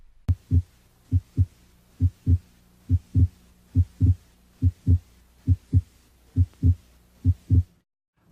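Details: Regular paired heart sounds at about 70 a minute, second sound louder than the first, heard with the stethoscope diaphragm at the pulmonic area; normal heart sounds.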